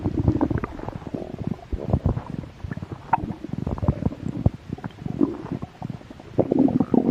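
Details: Stomach growling (borborygmi) from a slightly hungry stomach, recorded for ASMR: continuous low gurgling and rumbling with bubbly pops.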